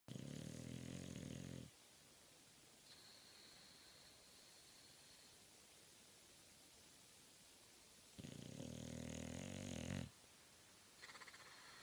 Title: Bulldog snoring hard